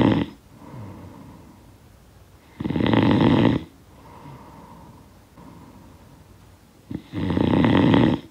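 Loud, rough snores on each in-breath, about every four seconds, with quieter breathing between them.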